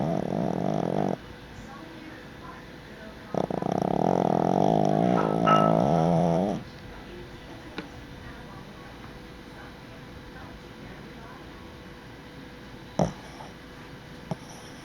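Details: Dog resting: two loud rumbling, buzzing snores followed by quiet room noise and a few faint clicks; snoring.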